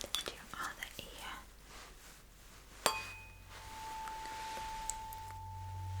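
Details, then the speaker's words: Role-played hearing test: a lower-pitched golden tuning fork is struck and rings with a clear, steady tone that slowly fades, amid soft handling noises. "But, you will listen and tell me what the difference you can hear."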